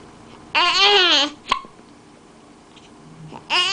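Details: Infant babbling with high vocalizations, broken by a sudden sharp hiccup, then more babbling: an infant with hiccups.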